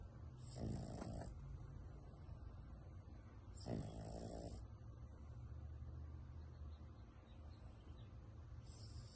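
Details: Snoring: a sleeping miniature pinscher after exercise, with loud, rough snoring and two strong snorting breaths over about nine seconds against a steady low rumble.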